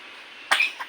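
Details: Baby with a cold, fever and cough, sweating and just woken from sleep, gives a single short, harsh cough.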